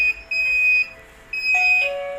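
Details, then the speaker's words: Hospital wireless nurse call system demo, emergency triggered by the washroom pull cord: loud repeating electronic alarm tones shifting in pitch, with a blue light for bathroom 1 emergency. "This is the washroom unit, which can be, in case of emergency, the patient can pull this cord. You'll get a situation like this, which will show you a blue light with bathroom number 1 having an emergency"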